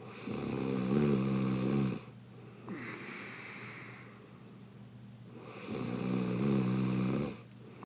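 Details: Man, a reality-show contestant, snoring with his mouth open in bed: loud, vibrating snores on breathing in, about every five seconds, with a quieter breath out between; open-mouth snoring.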